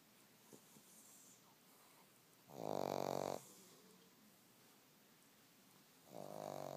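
Two loud, low, fluttering snores a few seconds apart with quiet breathing between them: a dog snoring in its sleep.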